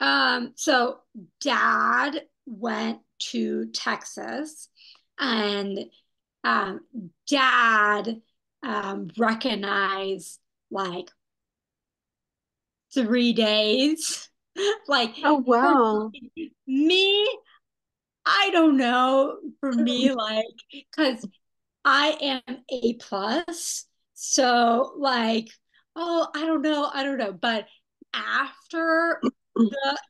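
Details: Young woman who had a stroke at age 27, with post-stroke aphasia making speaking difficult; non-fluent, telegraphic speech with missing words; non-fluent aphasia after stroke.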